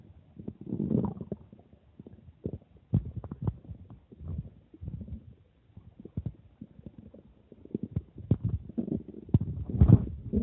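Frequent soft gurgles, pops and low rumbles at irregular intervals; ordinary stomach growling after drinking water.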